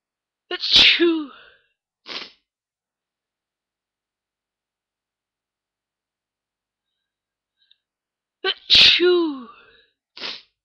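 Two loud voiced sneezes, each with a sharp intake, a forceful 'achoo' and a brief trailing sound, separated by silence; ordinary sneezing.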